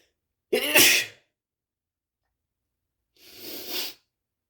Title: sexy shirtless sneeze